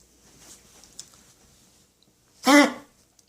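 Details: Dog coughing: a single short, harsh cough-like burst after a few seconds of quiet room noise.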